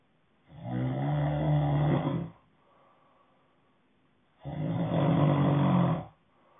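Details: Snoring ASMR: two long, loud, rattling snores on inhalation about four seconds apart, with quiet breaths between; adult sleep snoring.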